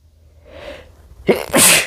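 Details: Adult male: a quick indrawn breath followed by one loud, explosive, hissing burst; a single sneeze.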